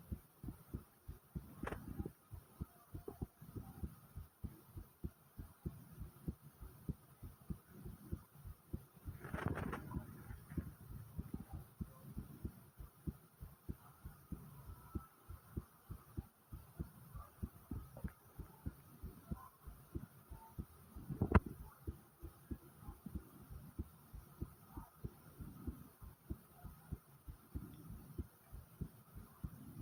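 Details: Rapid, regular low thumps of a fast adult heartbeat, with a few brief rumbles and rustles of stomach growling, recorded as ASMR.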